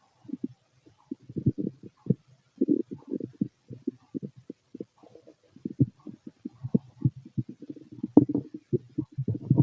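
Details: Empty stomach noises: irregular low gurgles, rumbles and pops from the abdomen; ordinary bowel sounds (borborygmi), with heartbeat elsewhere in the recording.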